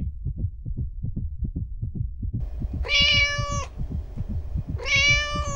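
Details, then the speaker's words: Normal heartbeat of a cat: rapid, steady soft thumps, faster than an elephant's but similar in sound, with the cat meowing twice over it. "That's a cat. That is a cat heartbeat."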